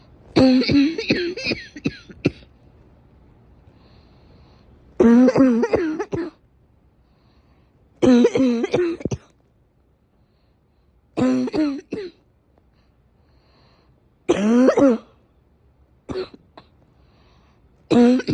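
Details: Repeated bouts of harsh, rattly coughing from an adult, several coughs per bout, separated by quiet pauses.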